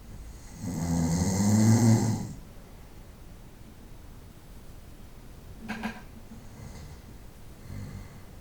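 A deep, rumbling snore on the in-breath, followed by quieter breaths over steady room hiss: snoring during sleep.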